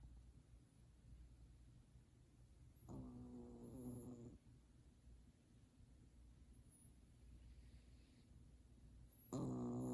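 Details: Savannah cat that occasionally snores: two low, rattling, buzzy snoring breaths about six seconds apart in a quiet room while another cat stares at him: snoring.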